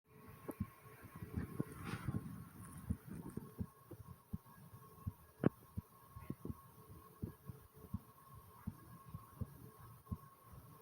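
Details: Brief heartbeat recording: a regular, low thumping heartbeat at about 70 beats a minute, with handling rustle early on.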